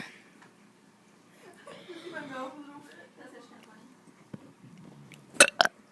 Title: Kid doing burps 11